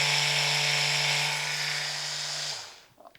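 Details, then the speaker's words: Percussion therapy device at very high speed setting, used on the outside of a scoliosis curve (thoracic and S curves) to relax muscles and ligaments: steady high-pitched buzzing whine, then switching off. "this is another form of cussion therapy that we use this is um we call this very high speed and you can hear the frequency of this when I turn it on very very high"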